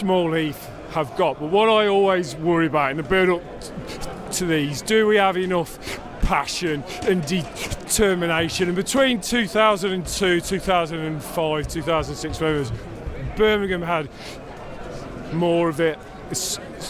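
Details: Adult male who stammers, unscripted speech in a football fan-cam interview, with his fluency technique abandoned; many blocks and clearly overt stammering; stuttering.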